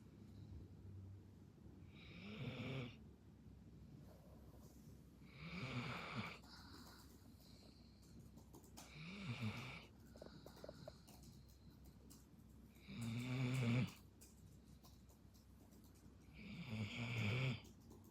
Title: Snoring dog half asleep #dog #belgianmalinois #snoring #malinoislovers #cute